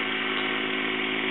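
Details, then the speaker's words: Steady loud mechanical whir of a small motor and compressor; AirSep FreeStyle 3 wearable portable oxygen concentrator with internal lithium-ion battery running on pulse setting 2, delivering oxygen pulses; portable oxygen concentrator running. "when you are using the freestyle and the device delivers a pulse of oxygen that green light will blink letting you know that that device has delivered a pulse of oxygen"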